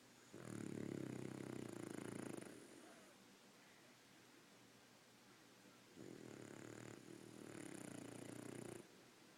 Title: Mr. Bugsy Snores